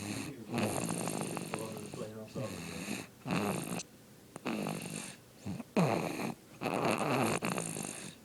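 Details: Baby fast asleep: loud, rough, rattling breaths repeating in cycles with quiet pauses between them; snoring.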